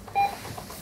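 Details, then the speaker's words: A single short electronic beep in a quiet room: an infusion pump signals it has finished a 0.5 mL secondary bolus. The pump is under PCA testing on an IPA-3400 infusion pump analyzer, which measured bolus flow rate and volume. "We got a beep on the pump saying it finished its delivery, and this was the measured bolus flow rate and volume."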